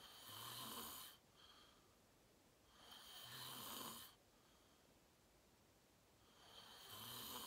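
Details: Real self-recorded sleep; person fell asleep fast and slept deeply, reportedly REM. Loud, rasping snores on each breath in, about 18 a minute, with quiet breaths out between them. Loud snoring.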